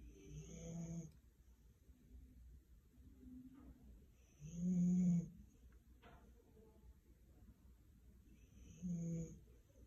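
Irregular rumbling snores from a sleeping dog, roughly three in ten seconds, in a quiet room.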